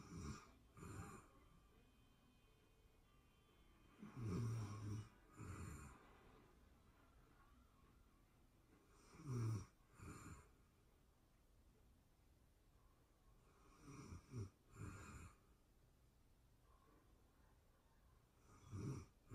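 Low rattling snores, roughly a dozen per minute, with quiet breathing between them in a small room.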